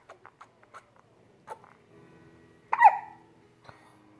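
A baby makes a few soft clicks, then one sharp, sudden catch of the breath with a small squeak. These are hiccups.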